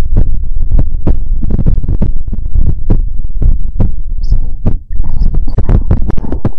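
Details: ASMR heartbeat recording: deep, booming, steady heartbeat thumps, heavily amplified, over a constant low rumble; a normal heartbeat.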